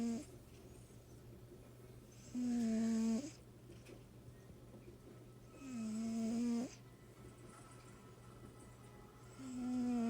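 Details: Cat snoring: three slow, regular snores with a buzzing, tonal quality, about 17 per minute, over a steady background hum.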